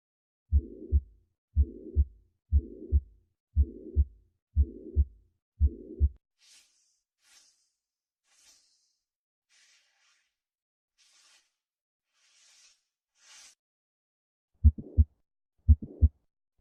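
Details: Normal heart sounds: regular paired S1–S2 lub-dub at about 60 beats per minute with a quiet pause between beats.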